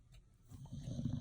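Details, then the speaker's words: Pet dog sleeping on owner's bed: low rumbling snore building over about a second, a single brief snoring breath; snoring. "But on another note, if you hear that snoring, that is my dog. He is sleeping on my bed."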